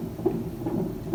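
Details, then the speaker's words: Fetal heartbeat via handheld Doppler with ultrasound gel on the lower abdomen, used in early pregnancy (under about 28 weeks), in a delivery room demonstration; rapid regular whooshing pulses, roughly 130 a minute. "애기 임신 주수가 어릴 경우에는 보통 아래쪽에서 많이 들려요. 보시면 이렇게 애기의 심박동수가 이렇게 보여요."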